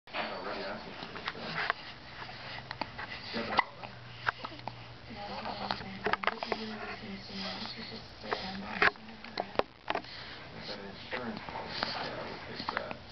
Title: Hiccups!